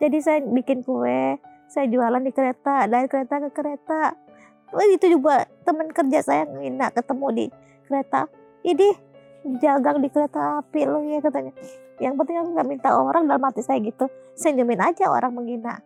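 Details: Adult woman; normal speech.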